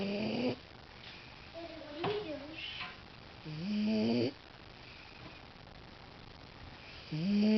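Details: Person snoring: two loud, rough, rumbling breaths roughly every three seconds, with quiet talk in the room between them.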